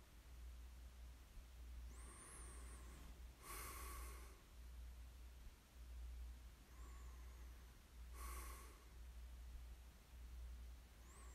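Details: Snoring during sleep: noisy, snorting breaths about 13 a minute over a steady low room hum.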